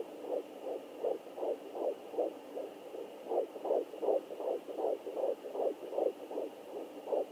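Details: Fetal heartbeat on Doppler: rapid, regular whooshing pulses at about 155 beats a minute.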